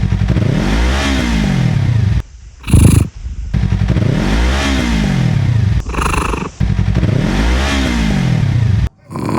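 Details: A dad snoring with loud, deep, rattling snores rising and falling with each breath, alternating with a motorcycle exhaust and a cat's purr for comparison.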